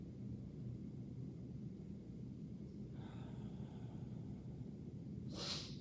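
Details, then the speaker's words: A student physical therapist auscultates an adult patient's posterior lower lobe basal segment, just below the inferior angle of the scapula, during big deep breaths; normal breath sounds. "Okay, everything sounded really good."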